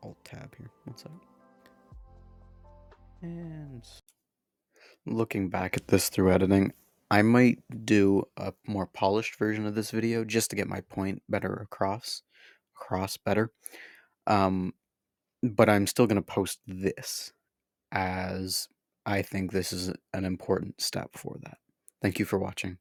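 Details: Male speaker who says his stutter can be heard in this recording and is part of him; stuttering.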